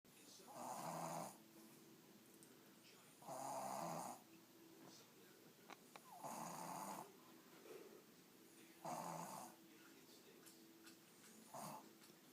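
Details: Overweight Shih Tzu snoring while asleep: loud, rough snores on each breath in, about five in twelve seconds, with quiet pauses between them.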